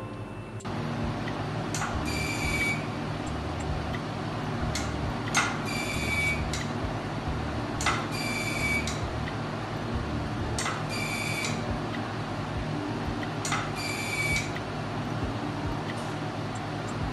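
Steady machine hum with repeated clicks and short high tones about every 2.5 seconds: a fractional CO2 laser firing in passes.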